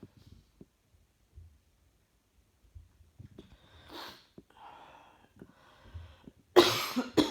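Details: Coughing while trying to work, feeling rather hot: soft breathing and a few short coughs, ending in one loud, harsh cough burst.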